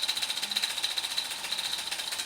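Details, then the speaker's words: Shockwave therapy device running a program at 16 pulses per second: rapid, regular mechanical tapping. "por ejemplo sería que yo la pongo hermana 16 golpes por segundo que sería nuestra frecuencia y entonces aquí se va a notar perfectamente"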